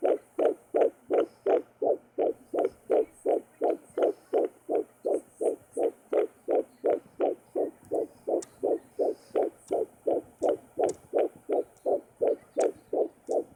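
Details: Fetal heartbeat heard with a home Sonoline fetal Doppler: rapid, regular whooshing thumps at about 165 beats per minute.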